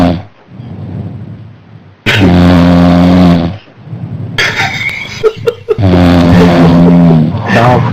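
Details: Snoring from a man who fell asleep during a TeamSpeak voice chat after drinking beer: loud, rough, rattling snores on each breath with quieter gaps between.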